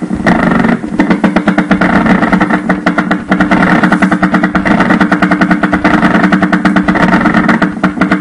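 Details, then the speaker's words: Needle EMG: continuous rapid rhythmic crackling bursts over a steady hum, a prolonged myokymic discharge. "Two overlapping discharges They are very close to each other, when the time base is changed."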